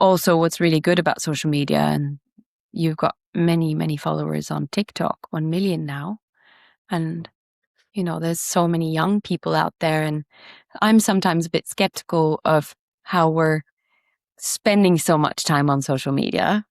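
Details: Adult speaker; normal fluent speech.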